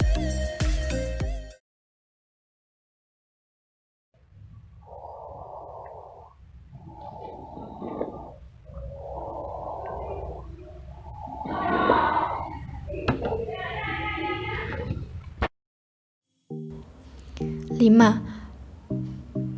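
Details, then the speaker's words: Low-pitched wet crackling sounds arising from larger bronchi and bronchioles, teaching example: crackles (wet rhonchi, crepitations). "rezeki berasal dari bronki dan bronkiolus yang lebih besar salurannya mempunyai suara rendah Sonor biasanya terdengar jelas pada orang orok berikut adalah suara ronchi basah"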